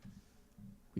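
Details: Ordinary snoring from a sleeping female dog in the background during a livestream: two soft, low rumbling bursts.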